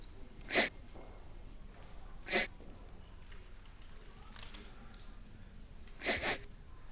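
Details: Short student animation: three sharp, explosive bursts a few seconds apart, the last doubled, over quiet room noise; a run of sneezes.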